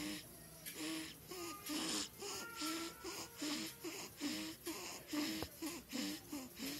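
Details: Sleeping newborn in a postpartum care center nursing room snoring: rhythmic, fluttering, squeaky nasal noises about 70 times a minute, with quiet background music.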